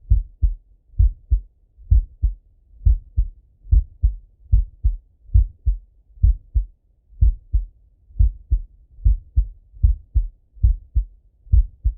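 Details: Male heartbeat by stethoscope while lying on his left side; clear, regular lub-dub at about 70 beats a minute.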